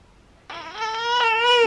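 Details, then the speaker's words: After a moment of quiet, a newborn girl starts a sharp, rising cry during tongue-stretching exercises after her tongue-tie release. "I'm about to attempt these exercises which I'm not looking forward to I know we're just gonna hurt you more and I'm so sorry I'm so sorry baby"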